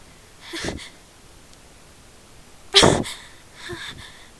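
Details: A sneeze from a person who had been at a friend's house with a cat, which triggers heavy sneezing. They try to talk and hold it back. A quiet breathy catch, then one loud explosive sneeze and a softer exhale.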